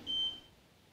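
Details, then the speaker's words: A single short, high electronic beep in a quiet room from a CENTRELLA Smart+ hospital bed scale, confirming a completed weight reading of weights placed to simulate a patient; bed scale confirmation beep. "it does so you will hear a single beep you now see the patient's weight"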